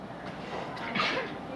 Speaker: I'm gonna sneeze there. Sneeze.